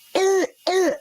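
Two short, harsh, tonal barking coughs with a hoarse ring, typical of croup's seal-like cough from a narrowed upper airway.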